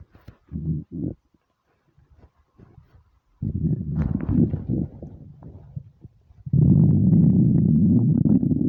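Low gurgling and rumbling bursts, ending in a long loud growl; hunger stomach rumbling, a normal gut sound.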